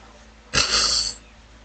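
A single harsh, hissing burst of about half a second, an abortive sneeze that ends as a throat clearing.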